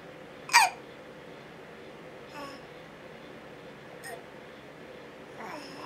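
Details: A baby boy having hiccups, recorded with a camcorder in a quiet room: one sharp squeaky catch, then soft faint ones about every two seconds; infant hiccups.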